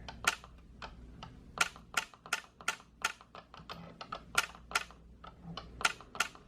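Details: YAG laser vitreolysis on a patient treated for vitreous eye floaters, second session clearing leftover material from the previous day; sharp irregular clicks about 170 a minute over low room hum as laser pulses fire.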